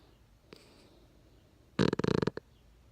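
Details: Dog named Buddy sleeping in owner's arms: quiet room, then one brief, loud, fluttering snort-like breath; a single snore.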